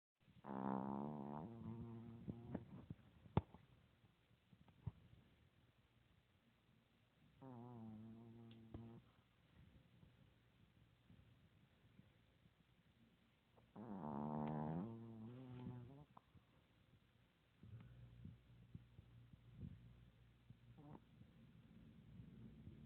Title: Daenerys the dog snoring# dog snoring #